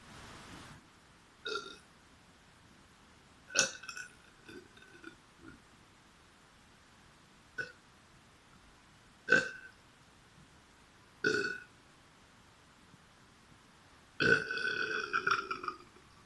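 Series of about seven loud, separate burps over sixteen seconds in a quiet room, the last one long and drawn out.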